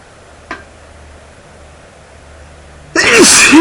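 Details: Self-induced sneeze from a male, made while sneezing on a CD. After a quiet pause, one loud explosive sneeze ending in a voiced cry.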